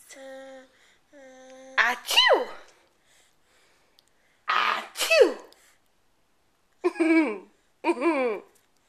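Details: Baby boy about nine and a half months old eating crunchies, recorded with a Flip Video camera: two sharp, breathy sneezes, each with a quick intake before it, between soft babbling; sneezing.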